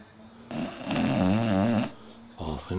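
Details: Small female dog during an early evening nap: a long, wavering, slightly tonal snore, then a shorter one starting; snoring.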